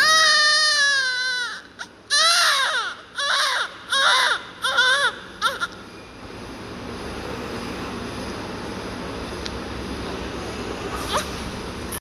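Loud, clear newborn cry in repeated bursts, then quieter room noise; a normal healthy newborn cry.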